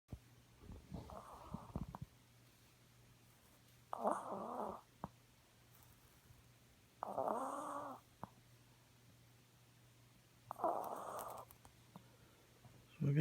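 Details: 6-year-old blue chihuahua sleeping: three slow, rhythmic rattling snores about three seconds apart with quiet pauses; snoring.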